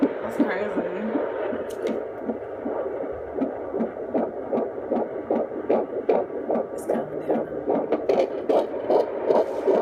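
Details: Fetal heartbeat at 23 weeks 4 days (male fetus) on Doppler: rapid, regular whooshing pulses, about 150 beats a minute; the Doppler reading starts very high, then slows as it averages.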